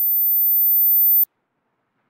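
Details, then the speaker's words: A high-pitched beep at 14.1 kHz played as a hearing test tone; the lecturer cannot hear it and says that puts his hearing in his late 50s. "삐하는 소리가 들릴 거예요.이 소리가 만약 뭐 안 들렸다고 하면 난청이 거의 확실합니다."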